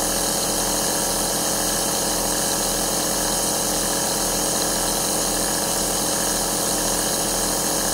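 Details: Continuous loud mechanical hum and hiss with a steady low pulsing: an aerosol compressor nebulizer running, recorded as relaxing sleep white noise.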